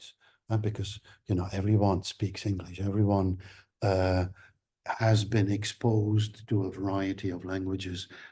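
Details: Adult male lecturer; ordinary speech.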